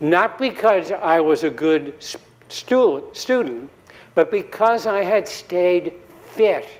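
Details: Adult man giving a TEDx talk at an earlier recovery stage, about five or six years before a later interview, with aphasia from a 2017 embolic stroke due to atrial fibrillation, still speaking poorly then; recovering post-stroke aphasia.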